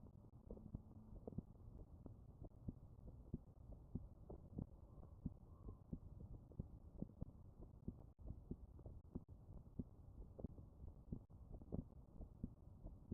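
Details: Heart sounds recorded with a smartphone app: muffled, low heartbeat thumps with scattered clicks and a steady low hum.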